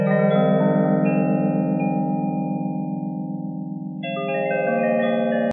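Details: Fractal tones from a hearing aid's tinnitus therapy program.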